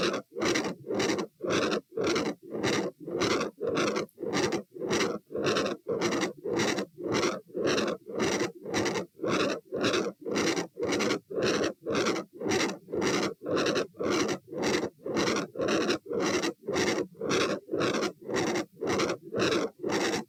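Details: Very loud heart murmur at the aortic area (position A), recorded standing and sitting, 120 bpm: fast, regular heartbeat with a harsh murmur filling most of each beat.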